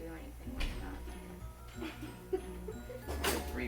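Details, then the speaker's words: A person imitates a dog's reverse sneeze, not a real animal: short sucking, snorting bursts over soft background music. "The reverse sneeze is a sucking sound. It's a sucking and a snorting sound."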